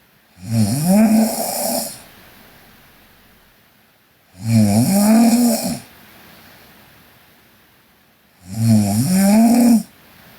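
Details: A sleeping Korean girl: three loud, rough, rumbling snores on the in-breath, about 14 breaths a minute, with quiet out-breaths between; steady snoring during sleep.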